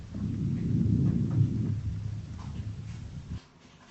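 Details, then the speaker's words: Soft low rustling breath over the lower back along the scapular line, 7th–9th intercostal spaces, equal on both sides, no crackles or wheeze or adventitious sounds: normal vesicular breathing. "мы можем сделать заключение что приускультации в симметричных точках выслушивается везикулярное дыхание одинаковое с обеих сторон побочных дыхательных шумов не выслушивается"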